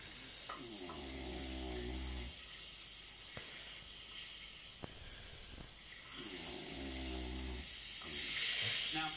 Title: My dad snoring